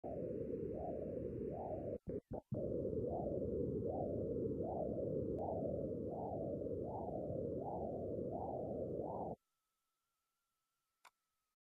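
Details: Doppler ultrasound of the posterior tibial artery distal to a greater than 75% common femoral artery stenosis: regular whooshing pulses at about 80 a minute, each a single blunted swell with no reverse component. Monophasic flow.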